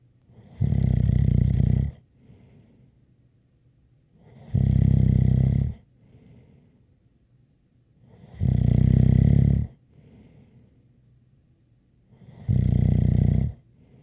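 Four loud, rattling snores about every four seconds, roughly 15 breaths a minute, each with a light whistling tone; quiet breaths out between them.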